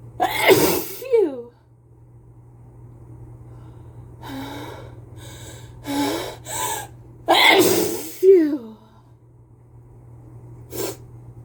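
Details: Person with a cold sneezing repeatedly into a face mask: several loud, partly muffled sneezes, each preceded by a sharp inward gasp.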